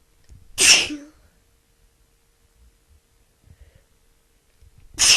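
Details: A woman sick with a cold gives two sharp, hissing sneeze bursts about four seconds apart, each with a faint intake of breath before it; sneezing.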